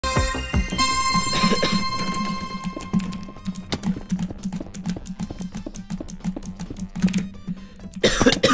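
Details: Gamer with a sore throat and teary eyes: repeated short, dry-sounding coughs over game music and keyboard clicking.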